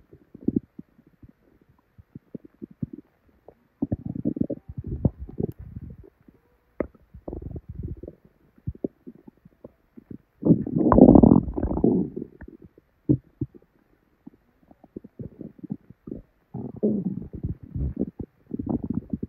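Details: Person's belly after drinking probably expired milk, with very bad diarrhea: loud, frequent gurgling and rumbling in irregular bursts with one long growl; active bowel sounds, borborygmi.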